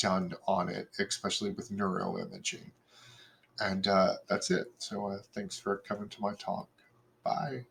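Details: Adult male speaker; normal speech.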